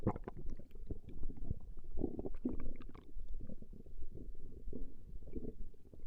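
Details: Recording of a woman's stomach growling: continuous low bubbling, gurgling rumbles with irregular bursts, gas and fluid moving through the gut; borborygmi.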